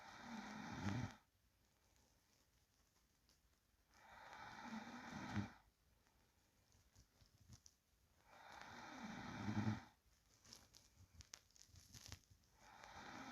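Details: Sleeping person's soft, low snores on each breath in a quiet room, about 14 breaths a minute; light snoring.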